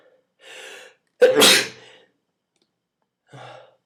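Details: Sneeze deliberately triggered with a twist tie.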